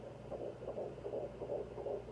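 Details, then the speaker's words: Fetal heartbeat on a Sonoline B handheld fetal Doppler, used at home. Rapid, regular whooshing pulses, about 160 a minute, clearly faster than the mother's own slower pulse. "see you can clearly tell the difference between mine and the babies the babies are so much faster in the sweetest slow sound"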